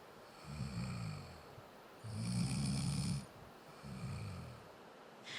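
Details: Adult man sleeping: three low, rough, grunting one-second snores from mouth breathing, attributed to blocked nasal breathing from a deviated nasal septum.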